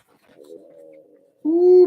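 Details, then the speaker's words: Faint, drawn-out tonal gurgle, then a louder coo-like rumble from an adult's stomach; the speaker says it has gone on a while, is unusually loud, and they ate much earlier: stomach gurgling (borborygmi). "my stomach is gurgling did you hear that it's been doing it for a while it's been a while since my stomach will roam alive that was a huge one"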